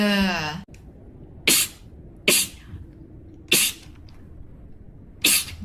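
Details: Sneezing in a girl (tagged allergies, sinuses): four sharp, hissing sneezes spaced about a second apart after brief music.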